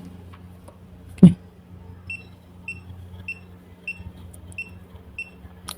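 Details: Uniwer HP100 handheld pulse oximeter with an adult probe on the demonstrator's own hand: soft, evenly spaced pulse beeps about every 0.6 seconds, roughly 95 a minute, over a low hum.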